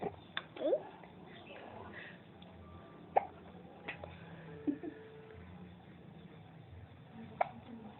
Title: cute baby being hiccups ... !!!!!